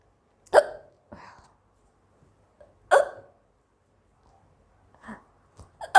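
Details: Indian girl with hiccups that had lasted a long time, in a quiet room: sharp, abrupt voiced catches in the throat repeating irregularly every few seconds; hiccups, with sneezes and a little cough elsewhere.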